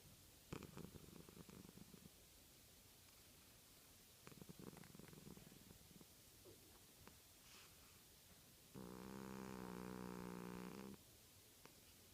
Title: Our 17 year old cat snoring